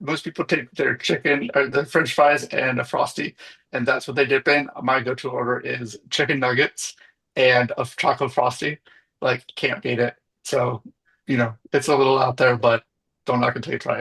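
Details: Adult male speaker; typical speech.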